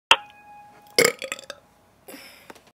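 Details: A single loud, rough burp after a sharp click, trailing off in short gurgling bursts: belching.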